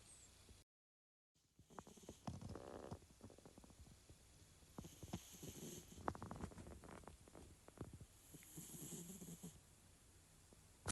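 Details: Snoring from a Siberian cat asleep in bed while dreaming: snoring.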